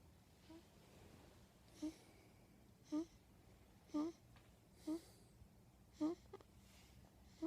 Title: Snoring with daddy